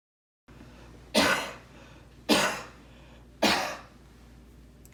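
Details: Three separate harsh cough bursts about a second apart over quiet room noise, recorded for a COVID-19 cough-monitoring device demonstration.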